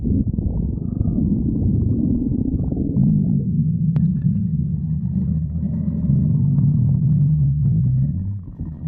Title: stomach growling 34